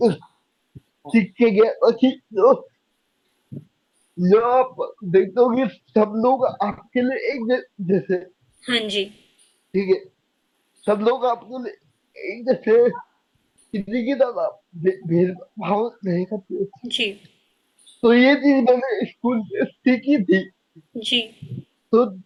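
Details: Young adult man with cerebral palsy diagnosed at age 2, unable to speak as a child, still needing double effort to speak clearly; dysarthria (cerebral palsy).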